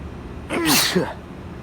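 One voiced sneeze, a brief inhaled build-up then an explosive burst, over steady background hum.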